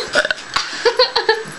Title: burping contest part 2